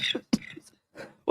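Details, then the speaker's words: Adult's spontaneous cough: a few short, sharp bursts with a squeaky, chirping quality that the cougher likens to a cricket. "the heck? I'm coughing. I sound like a cricket. That was weird."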